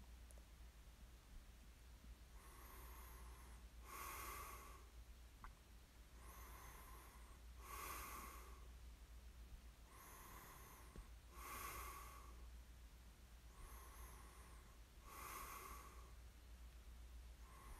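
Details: Light snoring during sleep: soft, breathy snoring breaths in a steady rhythm, about fifteen a minute, over a constant low hum.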